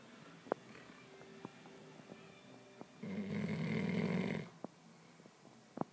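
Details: Snoring from a sleeping puppy, crashed out: a single loud snorting snore with faint clicks and room noise.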